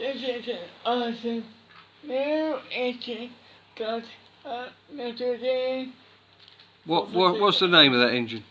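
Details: Boy with cri du chat syndrome speaking: Cri du chat syndrome speech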